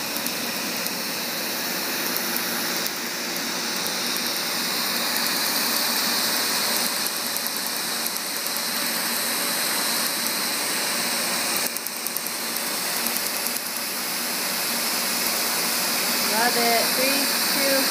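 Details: Laser tattoo removal of an ex-lover's name on a female patient's back, sparing the artwork above; first of many sessions, not painless but quick: steady rapid snapping and crackling pulses over a loud machine hiss.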